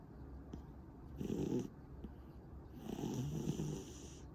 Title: 고양이 코골이 | Snoring Cat